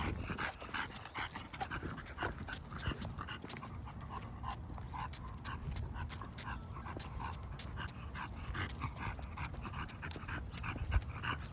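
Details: Rapid, continuous noisy panting from an English bulldog on a walk, outdoor background noise; heavy breathing during exertion.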